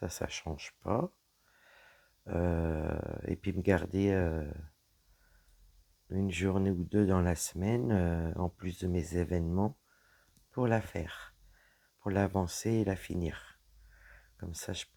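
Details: Woman with dysphonia after a serious health problem damaged her vocal cords; her voice is lower than before, at times weak, and she cannot speak loudly.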